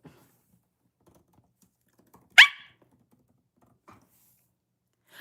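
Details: Young woman with Tourette syndrome during a late-night livestream, chatting with viewers: a single sudden, sharp, bark-like yelp in a quiet room; a vocal tic.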